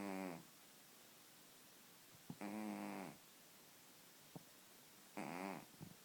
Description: My cat's name is Puma. He's obese and may suffer from sleep apnea.